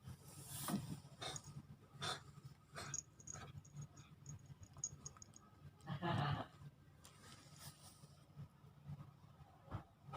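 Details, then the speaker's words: Pet cat sneezing and coughing as if wanting to vomit, with cold symptoms: repeated short, sharp sneezes and a harsher retching, gagging cough. "caraku untuk mengobati Juned pada waktu Juned Itu bersin dan batuk sepertinya Montana berikut ada videonya teman-teman contoh-contoh"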